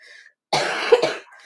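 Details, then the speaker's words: Child with a persistent, horrible cough, tested negative for 'fungalitis' (as transcribed): one harsh, forceful cough in two quick bursts after brief quiet. "yeah as you can hear um miss layla still has a horrible cough but we tested her for fungalitis and it was negative"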